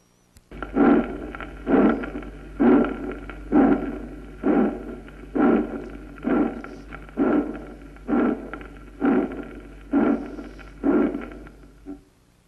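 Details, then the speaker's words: Regular harsh, rasping, rolling murmur bursts at about 65 a minute, described as typical of aortic stenosis; aortic stenosis murmur. "rudos rasposos rodantes los de la estenosis aórtica escuchémoslo"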